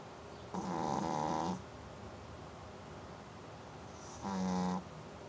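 Two rattling, buzzy snores separated by a few seconds of quiet, from a pet asleep in a small room.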